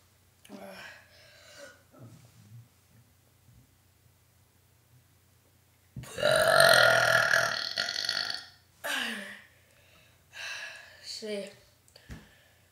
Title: burping with massive talent